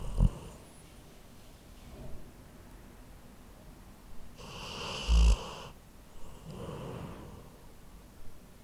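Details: Labrador sleeping, recorded with a Zoom H4n recorder: soft, breathy snoring, a louder snore near the middle with gentler ones between, occasional small knocks; snoring.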